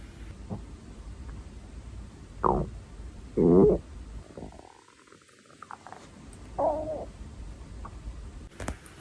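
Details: Hungry young woman's stomach growling: several short gurgling, squeaky rumbles over a quiet background; borborygmi from hunger.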